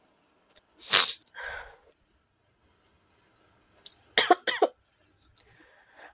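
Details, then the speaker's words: Cough from an adult tarot reader who has the flu with a nasal, altered voice, apologising in advance for coughing during the reading. "jadi nanti kalau kamu dengar suara batuk mohon maaf kita langsung"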